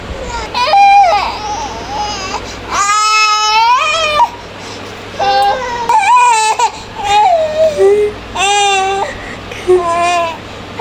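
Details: 8-month-old baby, filmed for hiccups: high-pitched wailing cries in several bouts with short catches of breath between them; infant crying.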